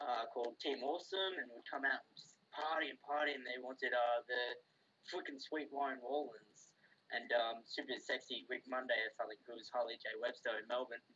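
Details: Adult man with a self-reported speech impediment, rhotacism, in which R is produced as W (r-to-w substitution).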